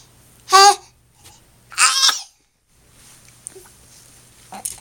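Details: Infant's sneezes: two brief, high-pitched, squeaky bursts about a second apart, then quiet room noise.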